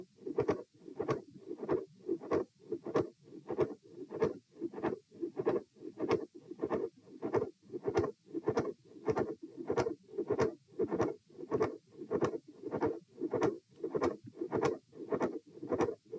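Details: Repeat auscultation stress test at position E, standing, heart rate 114 bpm; fast regular heartbeat with midsystolic click, systolic murmur and fixed split S2.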